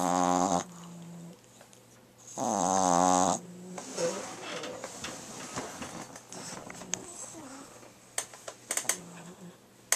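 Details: French Bulldog puppy snoring heavily: two loud, rumbling snores with quieter snuffly breathing between, and faint room noise.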